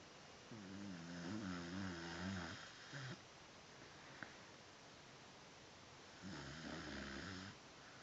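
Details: A sleeping dog, brought indoors and settled with music, snoring loudly over the music: buzzy, rattling snores on slow breaths with quiet pauses between, likened to an old man's snoring.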